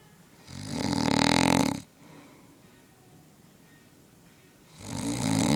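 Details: Adult male roommate snoring at night at a beach house: loud rattling inhalation snores with a fluttering airway vibration, a long one, a pause, then another starting.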